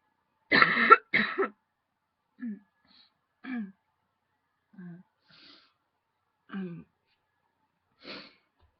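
Two strong coughs followed by five or six softer, spaced coughs and throat clears. A coughing bout set off by a tickle in the throat.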